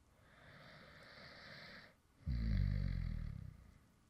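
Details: A soft breathy inhalation, then a louder low rattling snore on the next breath, recorded from a male creator who fell asleep while recording a previous video; real light snoring.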